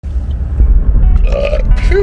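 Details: A person with intussusception, due to see a GI doctor for a gastric emptying study, burps non-stop: a long, low, rumbling belch of about two seconds with faint music behind.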